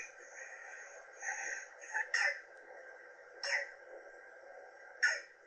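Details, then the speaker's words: A young girl with croup gives three short, harsh, seal-like barking coughs. Inspiratory stridor, chest retractions and tracheal tugging were also noted; the classic croup cough. "and there's that very classic barking copy cough so thanks to that awesome Mom who posted those classic symptoms"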